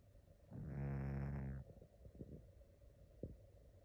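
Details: Snoring during REM sleep.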